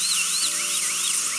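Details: Dental drill with water spray sectioning an infected wisdom tooth (left third molar) for extraction, patient with a week of trouble, nitrous oxide offered: steady high-pitched whine with slowly wavering pitch over spray hiss.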